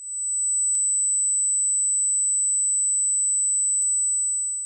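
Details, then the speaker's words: Simulated high-frequency single-tone tinnitus: steady, very high-pitched pure ringing tone, often in younger people, after loud noise or early auditory nerve aging; high-pitched tonal tinnitus. "대망의 탑1입니다. 바로 고주파형 단일 소리인데요."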